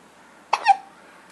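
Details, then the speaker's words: Girl's hiccups while she tries to talk through them: a single abrupt, high-pitched gulping catch of breath. "saham is currently experiencing her famous hiccups she's going to show you what a great hiccup her she is do you have something to say about this young"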